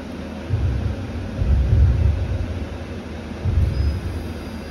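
Low, uneven motor rumble rising and falling from a dental lab dust collector running.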